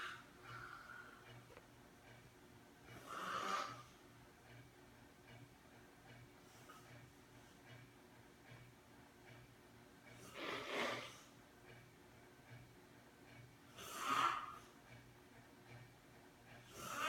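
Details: Soft rasping snores from a sleeping friend, about four in 17 seconds, over a steady low room hum; snoring.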